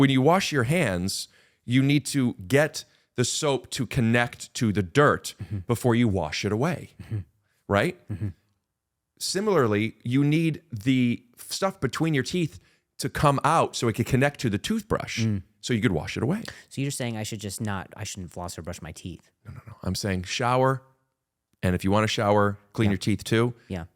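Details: Adult men talking; ordinary conversational speech.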